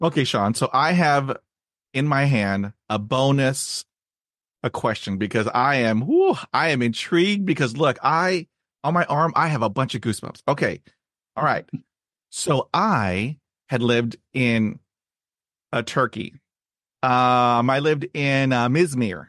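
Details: Adult male who stammers, describing repetitions and blocks all day with his eyes closing during blocks; stuttering.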